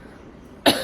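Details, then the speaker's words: Dry cough in an adult with a viral fever, awaiting medicine prescribed by a family doctor: after a quiet pause, a single short, harsh cough burst. "but before the medicine comes because this dry cuff is very irritating"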